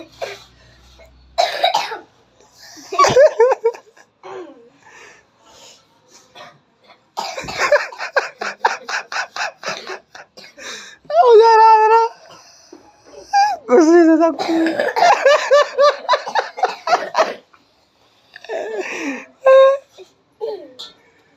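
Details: Children give short bursts and rapid runs of coughs mixed with laughter and voiced sounds, likely playful coughing, after being asked what kind of cough they have.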